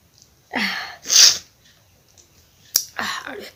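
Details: Nose-blowing and sneezing challenge: two sharp, hissing sneezes, then a short sniff and a third sneeze-like burst in a quiet room.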